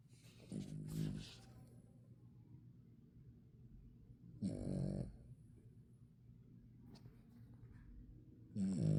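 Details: Low rattling snores every few seconds from a sleeping dog in a quiet room: snoring.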